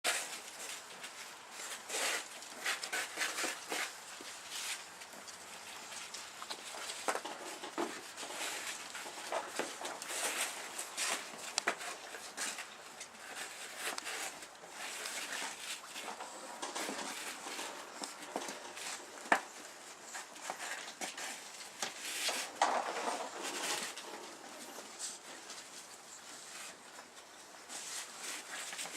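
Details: A sleeping dog snoring: irregular, noisy, rough snorting breaths repeating every few seconds.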